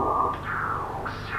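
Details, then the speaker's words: Lower-limb arterial duplex Doppler, femoral artery stenosis from significant plaque with aliasing: peak velocity about 280 versus 44 in the prior segment; high-pitched, harsh whoosh with sharp rising surges of fast, disturbed flow. "Y ahí encontramos una velocidad de aproximadamente 280. Eso es una velocidad que no es normal y habría que compararlo con los flujos que existen en el segmento previo."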